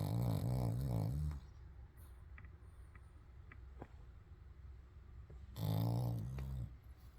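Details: A dog snoring very loudly, loud enough to wake its owner; snoring.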